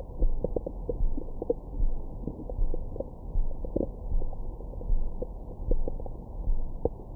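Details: Own abdomen recorded with a stethoscope microphone after a large meal: muffled low thumps and soft gurgles, ordinary stomach growling, normal bowel sounds.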